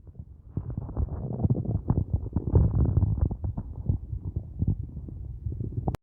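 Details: Hunger borborygmi at the end of the day after only a large cup of coffee all day: loud, continuous low gurgling and rumbling with rapid bubbling bursts from an empty stomach.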